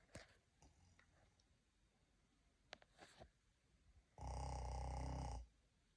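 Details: Simulated snoring, deliberately imitated while awake by a Laotian person: faint noises, then one loud low rumbling snore-like sound about a second long.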